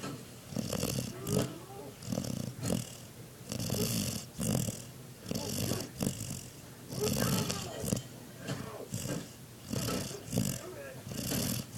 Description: This is my German shepherd snoring I thought it was funny so I recorded him snoring.